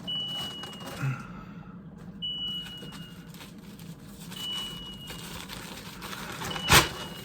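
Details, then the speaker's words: Home haemodialysis session being ended early after repeated readings going red (23, 24): repeated high thin beeps over steady machine rumble and room noise; dialysis machine alarm. "it's going to alarm again but have to try and move quickly"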